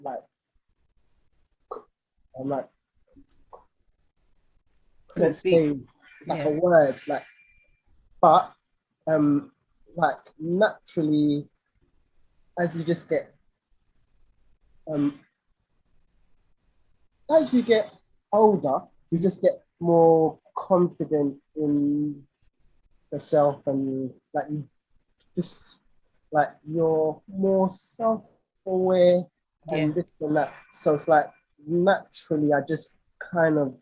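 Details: Lifelong stuttering (stammering) in an adult male singer; real conversational speech with audible repetitions.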